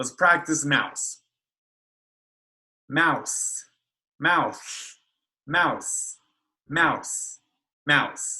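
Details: Adult speech therapist, imitated; lateral lisp.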